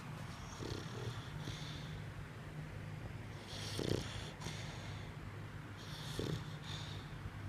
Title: dog snoring